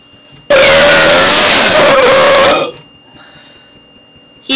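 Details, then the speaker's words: Child burping close to the camera on purpose: a single loud, drawn-out, croaking belch lasting about two seconds, then quiet room noise. "That's a"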